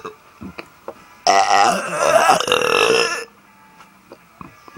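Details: Deliberate burp in a burping contest: a long, loud, rumbling belch lasting about two seconds against a quiet room.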